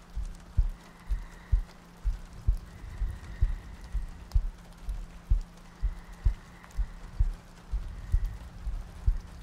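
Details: ASMR sleep-aid roleplay of cuddling next to a girlfriend on a rainy night, a looped track with soft breathing: steady soft low thumps at about 64 a minute under light rain noise; a regular heartbeat.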